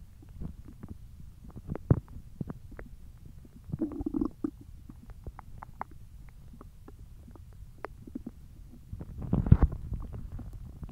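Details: Hungry belly noises (borborygmi): deep intermittent gurgles and clicks with a few louder rumbling surges.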